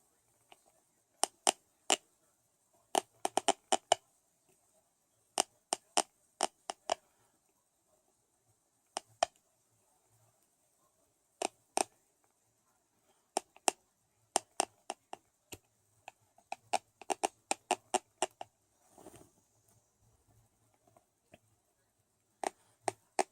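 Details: Severe teeth grinding and clenching (bruxism): sharp, irregular clicking and snapping bursts in clusters.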